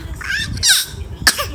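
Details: A child gives two short, deliberate cough-like bursts, an imitated voluntary cough rather than a true one.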